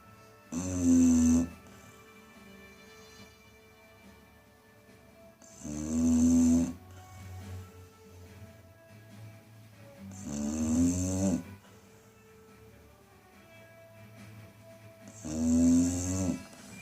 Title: Chow chow snoring